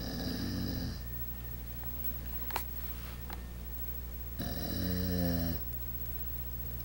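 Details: Two loud, low, rattling snores on breathing in from a sleeper, separated by quiet breathing, over steady room hum; snoring.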